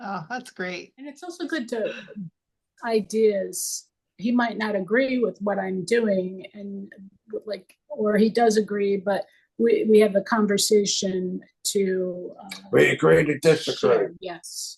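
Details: Aphasia caused by stroke in a woman 24 years after the stroke.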